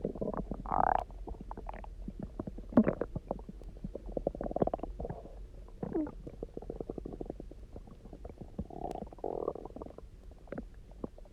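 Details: Person who had eaten almost nothing for 24 hours, then drank a lot of water and lay on their side: loud, resonant gurgling and rumbling bursts with bubbly pops over several seconds; hunger borborygmi, a normal bowel sound.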